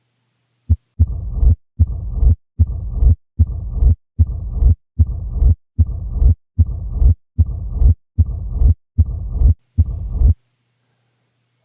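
Regular heartbeat at about 75 a minute, each beat carrying a long, low, rumbling murmur.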